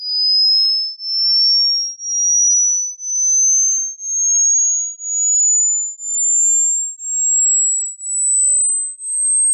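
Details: A pure whistling tone pulsing once a second and gliding steadily higher in pitch; a hearing test sweep for judging how old your ears are.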